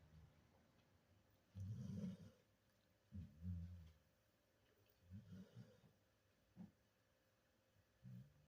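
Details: Snoring while napping: soft, low rumbling breaths repeating irregularly in a quiet room.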